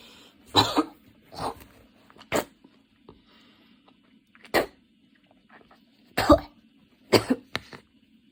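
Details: Student studying for an exam on a Saturday afternoon, standing and changing positions as the cough attack worsened from minor to intense; about seven harsh, forceful coughs in close succession with short pauses, quiet room; coughing fit.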